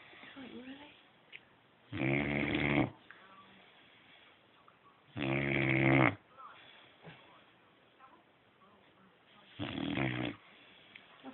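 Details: Loud, low, rattling snores from a sleeping, very tired boxer dog, on inhaled breaths roughly every three to four seconds, with quiet breathing between and faint room noise; snoring.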